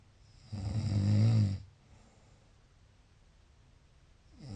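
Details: One loud, low, rattling snore on an in-breath, then quiet; snoring.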